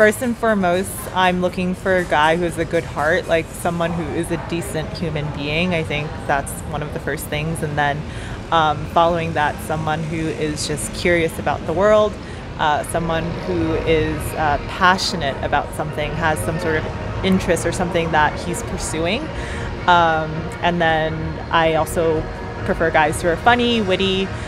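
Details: Adult woman speaking; no speech disorder.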